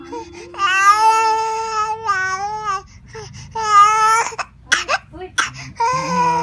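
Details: Infant fussy crying attributed to a cough: loud, drawn-out wails broken by short gasps and whimpers.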